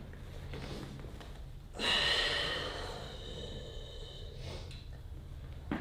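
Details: During a light-touch chiropractic adjustment, as breath tone shifted with released emotion identified as frustration and slight anger, one sudden loud snorting gasp trails off into a breathy exhale against quiet room noise.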